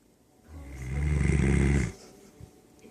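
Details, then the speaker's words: Sleeping puppy snoring like an old man: one deep, rumbling snore on a breath in, rising in loudness and then stopping sharply. "Susie's snoring. Sounds like an old man."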